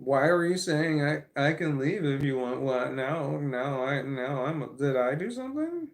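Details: Man who says he has a stammer, with autism and CPTSD tagged; part-word and word repetitions; stammering (stuttering).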